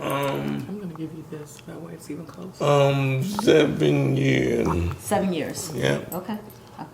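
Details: Adult speaker; Normal speech.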